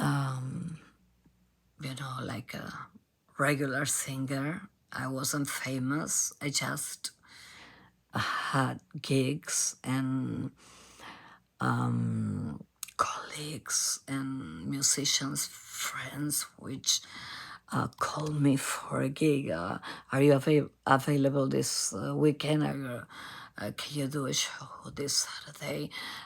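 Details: Adult female singer diagnosed at Cleveland Clinic by nasal endoscopy with abductor spasmodic dysphonia, in which spasms of the vocal cord muscles open the cords; onset 2015, worsening; repeated Botox injections.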